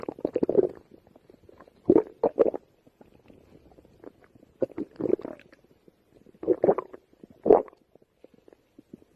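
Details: Person who has gone hungry all day: repeated low gurgling, bubbling bursts every second or two; stomach rumbling.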